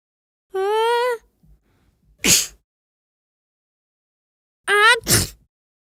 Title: Kid Sneezing Sound Effect